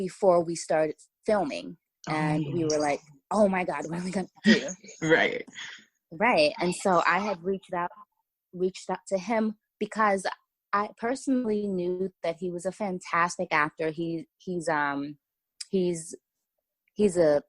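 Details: Stuttering in an adult woman who says she has a stutter that was more severe in the past; part-word and word repetitions.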